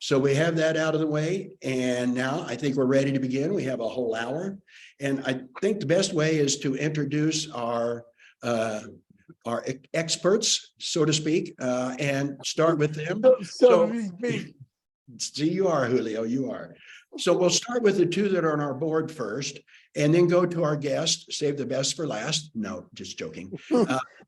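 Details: Adult male speaker; ordinary speech.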